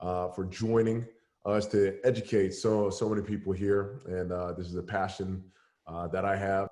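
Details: Adult man; normal speech.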